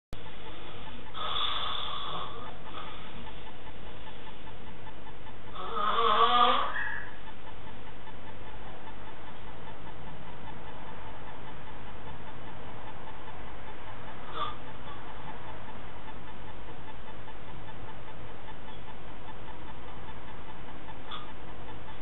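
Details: A snoring adult man, before being woken with water dropped into his mouth from a syringe: two rough snoring breaths, then quiet with only a steady background hiss.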